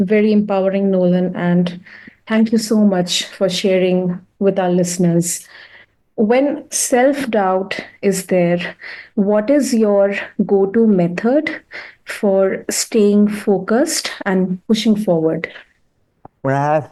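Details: Adult woman speaking; normal speech.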